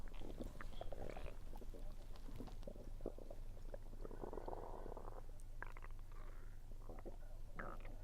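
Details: Stomach rumbling while eating, which the recorder attributes to low air pressure, with some chewing sounds: low gurgling and rumbling abdominal noises over a steady low hum; bowel sounds.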